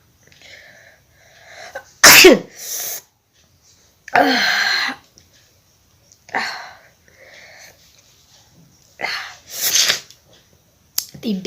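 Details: Sneezing in a sneezing challenge video: several sharp, forceful sneezes with quiet, breathy in-breaths and pauses between them.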